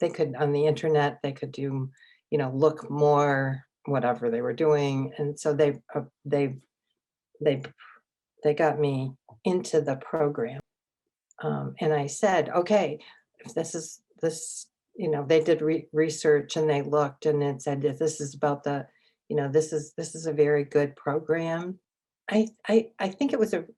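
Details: Adult woman with aphasia and apraxia acquired from a stroke three years earlier, in an intensive aphasia therapy program; aphasia.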